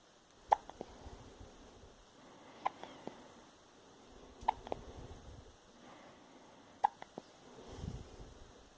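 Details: Four sharp, soft hiccups about two seconds apart, roughly 28 a minute, in a quiet room: ordinary hiccups.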